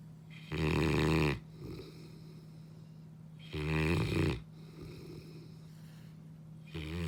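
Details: Saint Bernard dog snoring: deep, rumbling snores on each breath in, about 20 a minute, with softer breaths out between; loud snoring.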